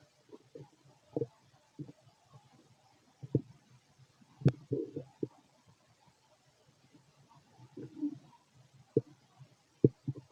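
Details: Male stomach noises during digestion: soft, irregular gurgles and low bubbling clicks from the belly in a quiet room; ordinary bowel sounds.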